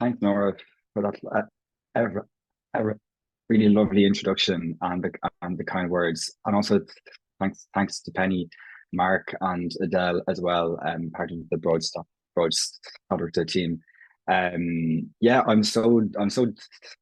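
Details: Stuttering (stammering) in an Irish adult man who has stammered as long as he can remember; his own speech features prolongations, repetitions and blocks; genuine, unconcealed stammering in conversational speech.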